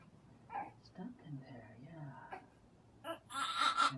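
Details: One-month-old colicky infant sleeping only an hour at a time, during gentle chiropractic adjustment for suspected cervical subluxations: brief soft whimpers and fussy moans with rustling; infant fussing.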